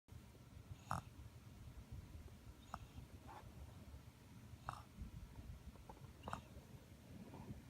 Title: Sweet Snores 4.16.18